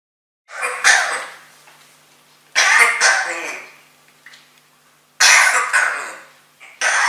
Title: Coughing Parrot - Hustender Papagei